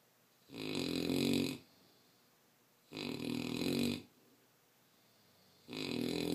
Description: My 11 month old mastiff puppy snoring his heart out.